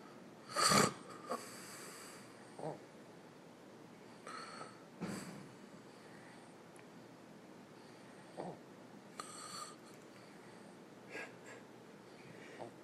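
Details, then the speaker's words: An adult (Papa) and a baby asleep: one loud snore early on, then softer, smaller "miniature" snores from the baby at intervals, with irregular snorting breaths in a quiet room. "I think Papa's teaching him how to snore there's kind of like a miniature snore coming from the baby"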